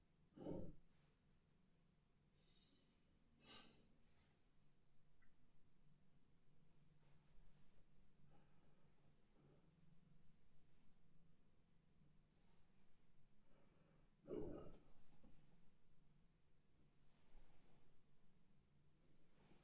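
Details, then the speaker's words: Stethoscope auscultation of a male patient's lungs during a respiratory assessment: soft, quiet breath sounds with no wheezes, crackles or other adventitious sounds. Clear, normal breath sounds. "So he had clear lung sounds. There was no adventitious lung sounds."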